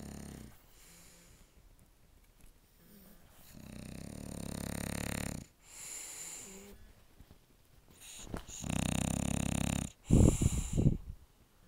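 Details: Two sleeping bulldogs, aged 7 years and 3 months, on a couch: loud, rattling, irregular snoring with long noisy breaths and snorting from flat-faced dogs; they snore like this whenever they sleep this way.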